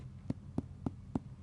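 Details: Abdominal percussion during an examination: four quick, short, flat thuds from finger percussion, giving a dull note rather than the expected resonant note.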